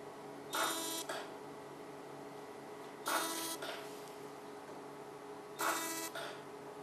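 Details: Fractional CO2 laser firing on a female patient's face, numbed with 35 minutes of EMLA cream, to treat acne scars and pigmentation: three short high buzzing bursts about every 2.5 seconds over room hum.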